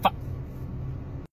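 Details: Vocal tic in an adult stand-up comedian with Tourette syndrome.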